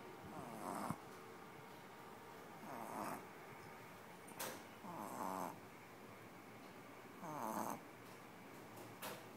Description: Our new pup passed out and snoring.....loud